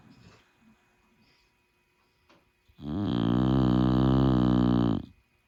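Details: Sleeping dog gives one loud, low, rattling snore lasting about two seconds after a quiet start: snoring.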